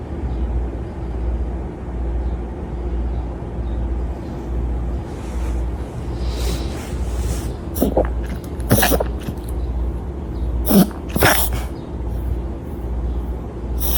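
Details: Small dog with several brief, wet-sounding snorting bursts over a low hum, worse some mornings, since smoky air from wildfires about 5 days earlier; owner asks whether this is reverse sneezing, ER vet found no cause; reverse sneezing.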